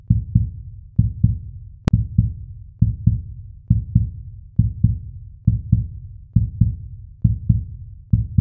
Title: Heartbeat sound - No Ads - ASMR